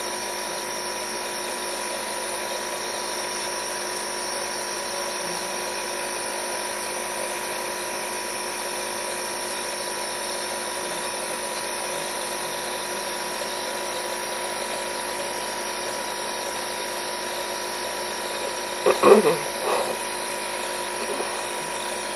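Steady humming motor with a constant pitch throughout, typical of a nebulizer compressor running during an asthma treatment.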